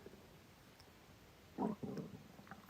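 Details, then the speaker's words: Man says his stomach is growling and he is hungry: a quiet, low gurgling rumble lasting under a second, a normal hunger-related stomach growl. "Mira mi barriga, me suena. Tengo hambre."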